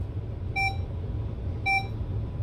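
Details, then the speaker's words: Two short, bright electronic beeps about a second apart from a B. Braun Outlook 100ES IV infusion pump after a dose-rate change to 55 exceeds the soft limit, prompting confirmation to continue; unconfirmed changes abort and revert. "this will show you what the soft limit looks like the value is outside the allowable dosage limits do you want to continue"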